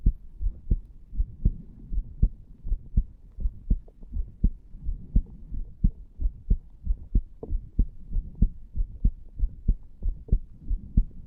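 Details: 34-year-old male lying on a bed, recorded over the tricuspid area after cigar nicotine and "green stuff" as an experiment: steady lub-dub heartbeat at roughly 94 beats a minute, slightly fast.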